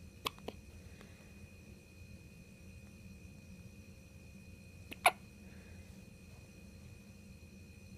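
Two sharp, brief catches in a quiet room, a few seconds apart, typical of hiccups.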